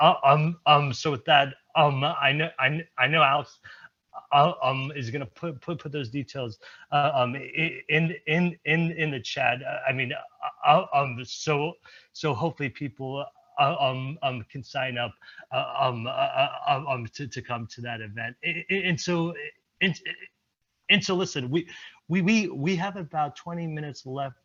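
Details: Real stuttering in an adult male presenter at a stuttering-community event, who reports blocks and repetitions; this stretch has word and phrase repetitions.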